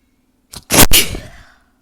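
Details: Self-induced loud single explosive sneeze after a brief intake of breath, fading quickly, by someone with a usually stubborn, now sore nose, alongside nose blowing; sneeze.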